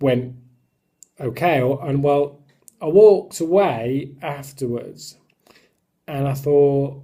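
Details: Adult who stammers; stuttering.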